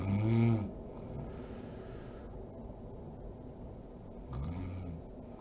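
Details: Two low, buzzing snores on breathing in from a sleeping adult woman (mom), with a quiet pause between; typical adult snoring.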